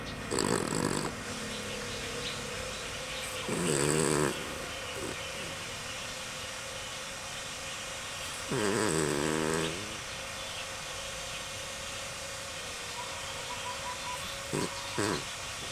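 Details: Pet dog that the owner says snores loudly day and night, unlike a dog: loud, rattling snores with a throaty flutter, about four in fifteen seconds, separated by quiet breathing over room hum.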